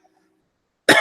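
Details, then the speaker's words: Near silence, then a single abrupt cough from someone whose throat is still congested and coughing. "so but coughing hacking stuff up surprisingly doesn't look good on camera"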